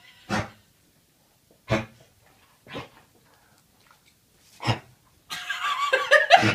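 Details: Coughing, with another individual appearing in the recording.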